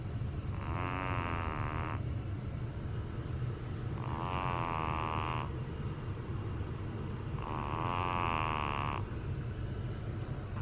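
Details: Three loud, rattling, regular snores about every 3.5 seconds, roughly 17 breaths a minute, over a steady low background rumble; snoring.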